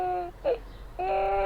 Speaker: a baby crying